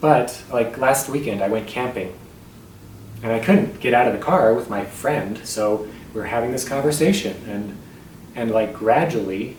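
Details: Adult male tenor with muscle tension dysphonia on a self-described really bad night; talking feels effortful and his voice very strained. Muscle tension dysphonia.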